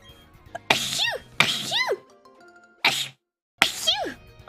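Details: Sneeze compilation: four explosive bursts, each ending in a falling, squeaky vocal tail, with faint music between.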